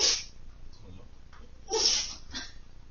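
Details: Puppy sneezing after styrofoam dust apparently got into its nose; two quick, sharp, hissing sneezes about two seconds apart.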